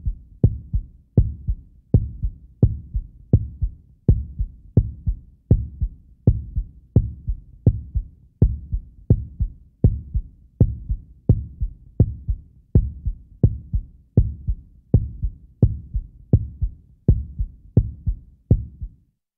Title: HEARTBEAT | SOUND EFFECT | HEART SOUND | FREE SFX